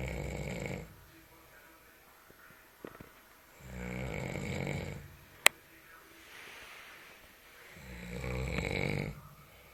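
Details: Loud rattling snores on each inhalation with quiet pauses between, about three breaths in ten seconds, from an adult sleeping at night; snoring.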